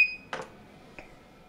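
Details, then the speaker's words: Inogen G3 portable oxygen concentrator powered on with the on/off button, cannula attached: a single short high bleep followed by faint clicks, the normal power-on signal before a warm-up of up to two minutes. "turn on the device by pressing the on/off button a single short bleep will sound"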